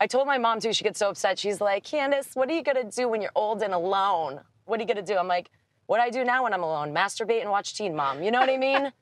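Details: Adult woman speaking; normal speech.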